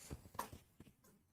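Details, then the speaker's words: Cat sneezing repeatedly: a few quick, soft bursts close together in a quiet room, possibly from something irritating her nose; sneezing. "Dolly sneezing. Darling, what's happening? Hang on. Hang on. What's going on with you? Why are you sneezing like that? Oh dear. Probably something irritating her nose."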